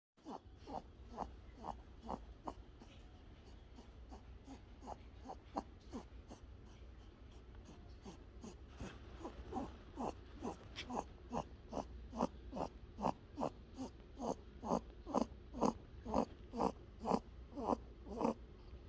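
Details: Rabbit snoring while asleep: rapid, soft snuffling snore sounds, about two a second, growing louder over time.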